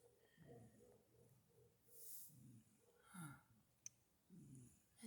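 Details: Awake cat with low snoring-like rattles recurring with each breath and a faint whistling tone: stertorous breathing.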